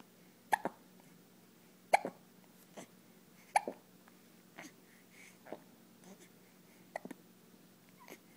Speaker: Whoa, check out my hiccups. Whoa. Whoa. Woo. Whoa.